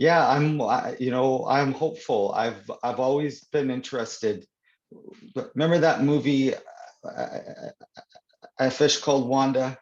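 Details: Stuttering (stammering) in an adult man who stutters, real conversational speech; he reports stuttering more when reading aloud than in conversation.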